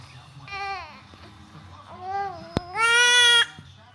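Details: Rising, tuneful wails building to a loud, sustained cry from a newborn baby upset by hiccups; an ordinary infant cry.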